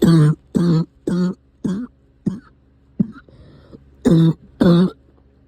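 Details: Recurring cough returning: a run of about seven short, voiced, throaty coughs, some like throat clearing, over low engine hum.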